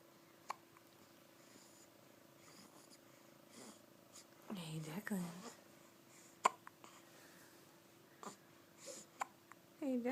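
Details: A baby has the hiccups.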